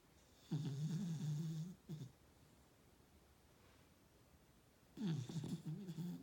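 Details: Snoring during sleep: low, rattling, fluttering breathing in two long bursts with a brief one between, in a quiet room.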